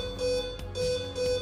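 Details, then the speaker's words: Tecnoclin LE3/LE4 electrosurgical unit (300/400 W): repeating steady electronic alarm in short bursts when a return plate pin breaks, stopping once the plate and cable are reconnected to the patient; patient-plate alarm. "alarme esse alarme sua volta a funcionar quando nós vamos voltar a colocar a placa novamente o cabo novamente no paciente"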